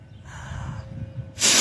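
A low, rumbling breathy snort ends in a loud, sharp hissing burst, like a sneeze; a dinosaur sound effect.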